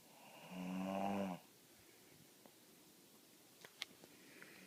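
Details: A single loud, rattling snore on an in-breath, then quiet breathing with faint room clicks: a person snoring.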